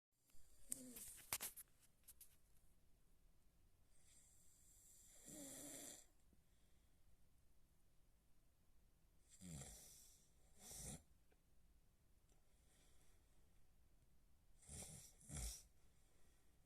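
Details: Snoring: soft snores and snorty, breathy sounds about every five seconds, roughly twelve breaths a minute, in a quiet room.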